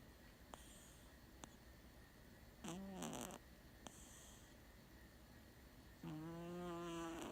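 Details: Sleeping kitten snoring: two drawn-out, buzzing breath sounds in a quiet room, one noticeably long.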